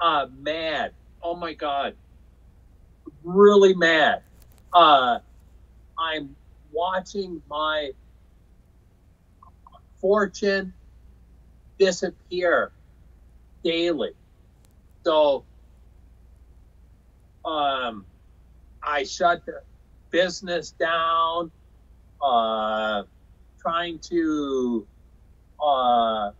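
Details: Aphasia in a man after a stroke in 2005 caused by hereditary hemorrhagic telangiectasia (HHT); he says he had or still has aphasia.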